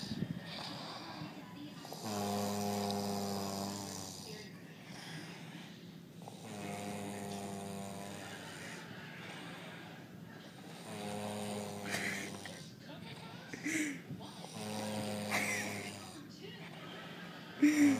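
Four long, low, rumbling, buzzy snores on breathing in, roughly one every four seconds, about 14 a minute, with quieter breathing out between them.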